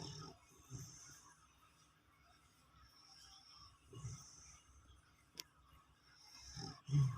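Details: Snoring: low, rumbling snores every few seconds with hissing breaths between them, then a louder snort at the end.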